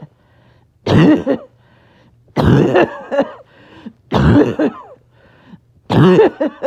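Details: Person a little short of breath, several coughing fits clipped back to back: four harsh, forceful cough bursts, each trailing into throaty sounds, separated by brief pauses; repeated coughing fits.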